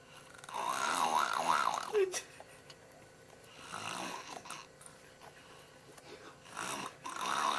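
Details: Niece deliberately performing "snoring lips" on request, an acted snore: loud rattling snore with lips fluttering on the breath out, a few cycles, with quieter breathing between.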